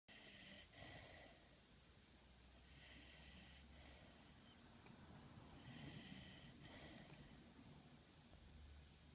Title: Snoring Dog